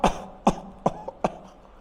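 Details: Four short, sharp coughs in quick succession, a deliberate demonstration of coughing in a public education video on how to cough responsibly.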